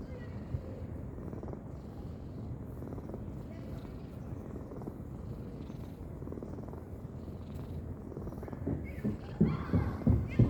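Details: Cat napping, snoring: steady low rattling breath sounds close to a purr, with faint voices near the end.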